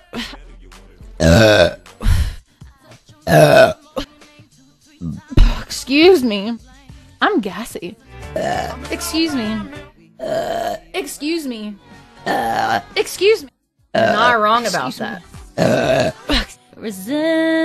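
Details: Blonde adult female streamer, a mother, repeatedly saying "excuse me"; loud, low, throaty belches, some drawn out, separated by brief pauses, music in background; burping.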